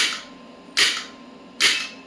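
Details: Electromagnetic shockwave therapy applicator on the elbow at 1 Hz, energy stepped up from 15 to 65: sharp, loud snaps about once a second; shockwave applicator firing.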